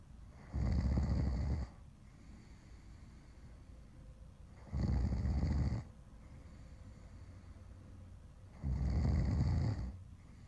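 Loud, low, rumbling snores about every four seconds, roughly 15 a minute, with quiet breathing between them; ordinary snoring.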